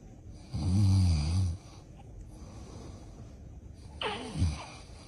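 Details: Sleeping father snoring as babies react: two low, rattling inhaled snores a few seconds apart, the first long and loud, over quiet room noise; snoring.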